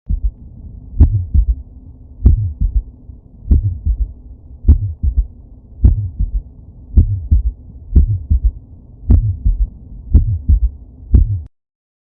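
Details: USMLE teaching example: slow, low-pitched heartbeat about 52 a minute, with a soft extra thud after the second sound; S3 heart sound (ventricular gallop).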